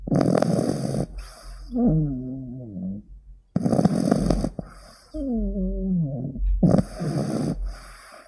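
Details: Sleeping 15-week-old pug puppy, a flat-faced dog, gives loud snorting snores alternating with whistling, squeaky out-breaths; common, harmless snoring.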